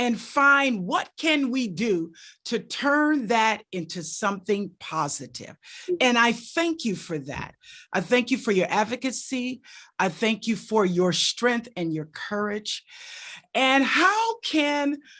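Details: Adult woman speaking; normal speech.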